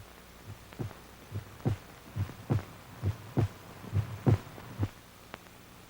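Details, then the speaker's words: Regular low thumping heartbeat, about 68 a minute, over a faint hum, heard via an electrocardiograph in an old RCA film on vacuum-tube uses; heartbeat. "helping to safeguard the nation's health is the electrocardiograph detecting heart ailments giving the doctor a written record enabling him to see as well as hear the beat of the human"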